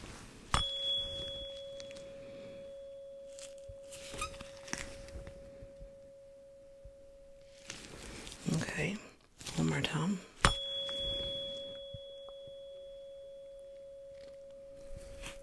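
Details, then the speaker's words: Acted ASMR ear-exam roleplay: tuning fork struck twice and placed at center of forehead, pure sustained ringing tone slowly fading, patient asked if heard equally on both sides; soft handling noises. "I'm gonna place it right in the center of your forehead I want you to tell me if you hear the sound equilaterally on both sides okay"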